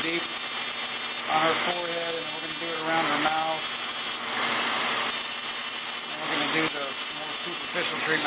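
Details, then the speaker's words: Woman, total FX fractional CO2 laser facial resurfacing, very small spot size leaving tiny white dots on skin: steady loud hiss and high whine with suction, rhythmic pulsing and faint voices; CO2 laser in operation. "So this is a very very small spot size. So that's why you can't really see much change on the skin. You can see the little white dots where the laser is going in."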